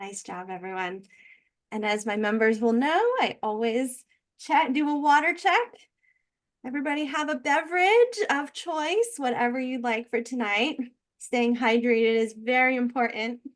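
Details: Adult woman; typical speech.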